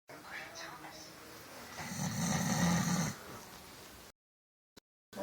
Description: My dad snoring away on Christmas day!!! I think he was pretty tired lol.